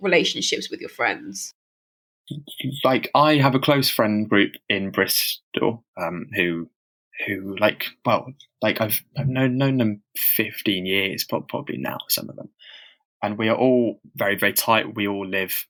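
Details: Stammering in a man who stammers and reports experiencing heavy blocks, speaking as co-host of a stammering association podcast; real, not acted.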